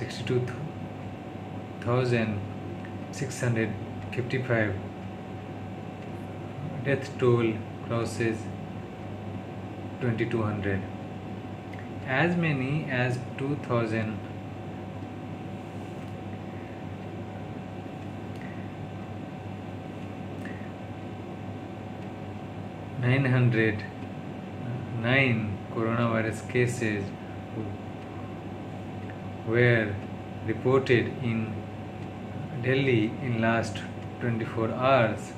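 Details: Adult man with stammering doing daily speech-therapy practice (day 36) reading news in English; his worst stuttering yet, attributed to tiredness, stress and low mood; stuttering.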